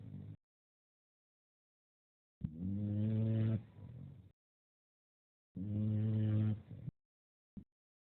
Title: Paisley snoring up a storm